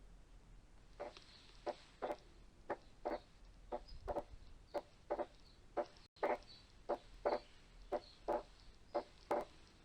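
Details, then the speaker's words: Pediatric cardiology auscultation teaching example: slow regular heart sounds with constant S2 splitting that widens on inspiration and narrows on expiration, wide but not fixed splitting of S2. "انا حاسس ان في سبليتنج على طول، بس السبليتنج اوسع شويه في حتت وشويه يرجع يضيق، اوسع في حتت وشويه بيضيق، بيوسع وبيضيق مع الانسبيريشن والاكسبيريشن. اذا هو وايد بس مش فيكسد."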